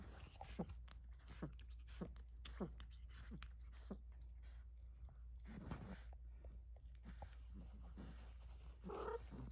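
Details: Rhythmic jerking clicks and thumps, about 100 a minute, over low room hum: post-seizure convulsions in a 2-year-old dog with congenital neurological impairment, unable to walk, epilepsy on phenobarbital briefly withheld; convulsions can last 30 minutes.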